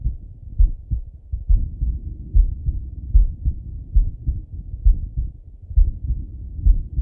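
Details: Male lying on his left side, heart heard through a stethoscope: regular low thumping heartbeat at about 67 beats per minute; normal heart sounds.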